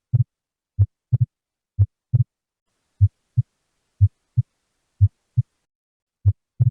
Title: Normal Heart Sounds